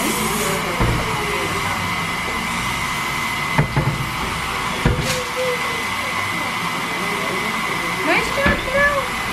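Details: Dental air dryer at an orthodontist during a child's braces fitting: steady blowing hiss with faint music and brief clatter, drying teeth before quick-setting cement is light-cured.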